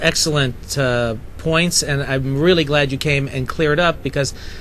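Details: Adult man; normal speech.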